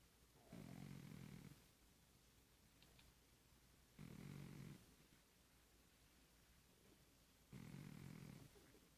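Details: Midday nap snoring: soft, regular buzzing snores about every 3.5 seconds, roughly 17 breaths a minute, over steady room noise.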